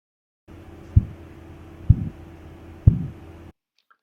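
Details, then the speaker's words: Phase II Korotkoff sounds over the brachial artery while the cuff of a manual sphygmomanometer deflates: three low thumps with a soft swishing trail, about 62 a minute. "phase two is a soft swishing sound which you can hear"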